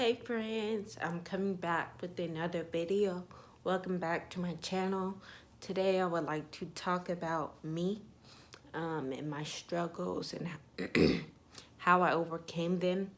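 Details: Young woman with ataxia (she says type 46), with shaking, twitching and poor balance, who says her voice trembles whenever she talks; voice tremor from ataxia.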